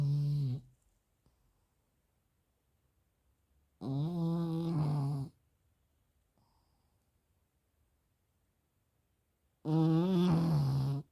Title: This happened to my pug after eating Chicken... #pug #funnyvideo #snoring